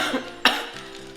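A single short, sharp cough burst from a child over background music, acted for an advertisement; a dry cough.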